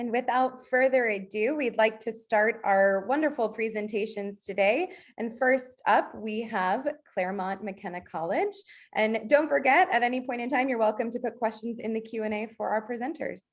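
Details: Adult woman speaking; Normal speech.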